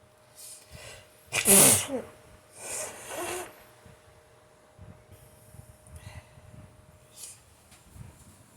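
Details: Sneezing hard on waking in the morning: one forceful, explosive sneeze followed by two softer sniffing or breathy bursts, then quiet room noise.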